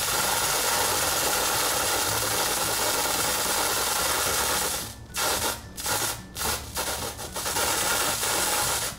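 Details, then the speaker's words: Loud continuous hiss, then short bursts, of liquid nitrogen sprayed through a large tip from a cryotherapy gun onto a patient's residual superficial and nodular basal cell carcinoma after a shave biopsy with positive margins. "so we're going to use the large tip on the liquid nitrogen can hear the little cryo gun to spray a stream on that we're going to hit it pretty hard because we really want to get rid of this"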